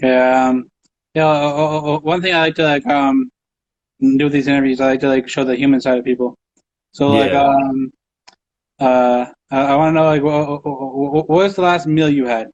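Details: Stuttering in an adult male who says he has a stutter and stutters in these interviews all the time.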